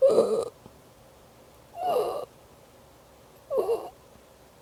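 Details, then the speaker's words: Baby, abnormal stridor (halak), commonly due to laryngomalacia with a softer-than-usual larynx wall: three loud, harsh, high-pitched crowing noises on the infant's in-breaths, i.e. inspiratory stridor from a narrowed upper airway. "una nating talakayin ang tunog na parang humuhuni sa lalamunan sa paghinga ni baby na tinatawag na stridor maaari mong marinig ang Halak na stridor na parang squeak"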